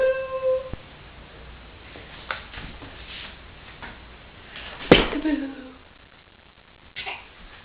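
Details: Infant playing peek-a-boo gives a sharp single cough burst, then a quieter second one, with soft room sounds; cough.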